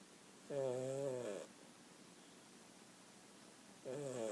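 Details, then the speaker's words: Sleeping pet napping: two long, tonal, buzzing snores on inhalation separated by a quiet pause; ordinary snoring. "Snoring away. He's so cute."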